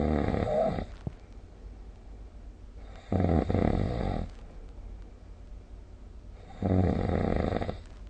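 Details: Snoring recorded with the SnoreLab app: three loud, rough, rattling inhaled snores every three to four seconds (about 17/min), with quieter breathing between them in a small room.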